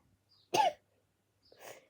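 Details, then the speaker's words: Child with a bad cough, reportedly caught from a schoolmate, gives two coughs: a sharp, forceful one then a softer, breathier one in a quiet room; cough. "I've not made a video for like a long time because I had this bad cough,"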